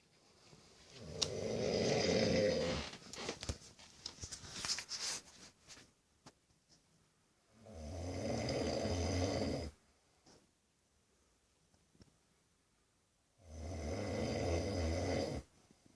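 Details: A 19-year-old male snoring: loud, rough snores on the in-breath, three in 16 seconds with quiet pauses between them, about 11 a minute; plain snoring.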